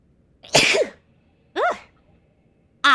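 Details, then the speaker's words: A loud, explosive, voiced burst close to the microphone, then two shorter voiced bursts, from a streamer sneezing in front of the mic: sneeze. "man, I realized I sneezed in front of my mic. Ah, man, now you guys know how I sound like when I sneeze."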